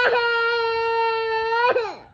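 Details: A single sustained, steady-pitched wail about two seconds long, ending with a falling cry; an infant crying, apparently sulking over wanting a cellphone.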